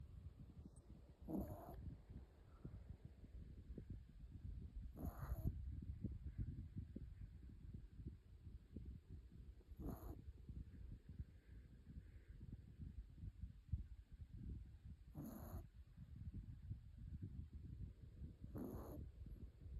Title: #shorts 강아지가 너무 코를 골아요.. #코골이#강아지